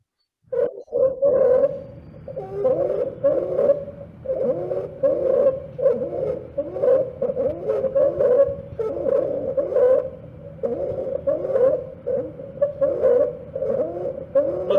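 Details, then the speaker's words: Child with runny nose, cough and fever, severe retractions: harsh, high-pitched noisy breathing on both inspiration and expiration; biphasic stridor, obstruction at glottic level, foreign body to be ruled out. "This has both components, inspiratory Both and inspiratory and expiratory, expiratory. and therefore it is a biphasic stridor. Here the obstruction will be at the level of glottis."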